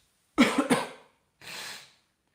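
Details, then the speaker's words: An adult who is congested gives a short burst of two or three coughs, then a breathy throat-clearing exhale. "I'm congested, so it's probably not the best time to do it because I'll be coughing all the time."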